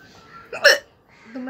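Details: Hiccup challenge recording of a real hiccup, no water taken: one sharp, abrupt voiced hiccup in a quiet room followed by faint voicing.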